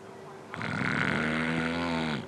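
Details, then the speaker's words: Snoring recording played in a sleep-medicine lecture as the first sign of obstructive sleep apnea: a single long, loud, buzzing snore lasting well over a second. "Snoring is the first sign of obstructive sleep apnea. Can you hear this?"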